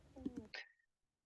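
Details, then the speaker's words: Child with trouble breathing and a barking cough, worse at night: a brief hoarse, tonal sound, then a harsh barking cough burst trailing into a thin whistling note; croup. "for the chief complaint my child has been having trouble breathing and has a cough that sounds like barking especially at night"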